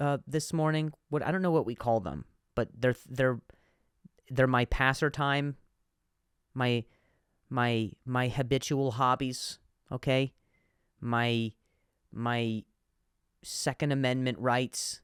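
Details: Adult man who stutters, with repetitions of words and syllables, and says some words are harder to say on some days; stuttering.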